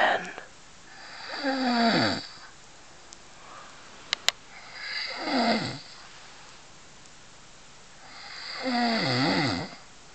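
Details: Asleep, snoring: three loud, rough snores, each on a slow breath in, about 17 breaths a minute, with quiet pauses between them; snoring.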